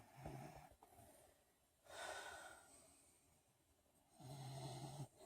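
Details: Light snoring: soft, rough snorting breaths with low fluttering on inhalation, alternating with quieter exhalations.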